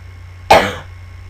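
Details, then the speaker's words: Single abrupt, harsh cough from a man who says he is sick with a hoarse voice, while commentating a video game, over low room hum; cough. "excusez-moi pour ma voix, je suis malade. Excusez-moi si je tousse."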